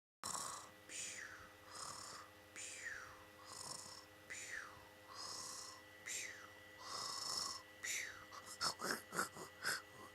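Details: Snoring in a sleeping cat: soft, rhythmic snores with whistling tones on each breath, about 34 a minute, over faint room noise.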